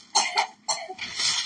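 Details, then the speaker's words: A son's cough, which the parent suspects came from getting chilled at the swimming pool; a quick run of about four short, harsh coughs, the last one drawn out. "Сын вон кашляет, на бассейне просквозит, промерз, наверное."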